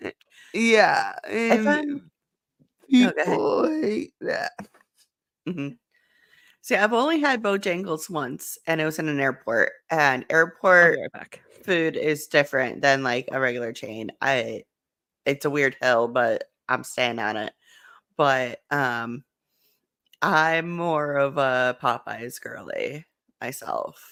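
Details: Adult woman speaking; typical speech.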